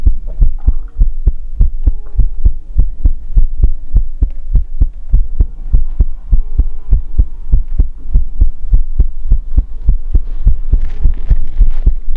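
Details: ASMR heartbeat recording: steady, deep, regular thumping at about 100 beats a minute with a faint hum underneath; normal heartbeat.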